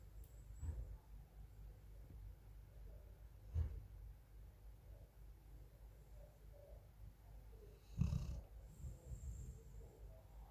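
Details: Sleeping female golden retriever snoring: soft, low snoring noises at irregular intervals, roughly three in ten seconds.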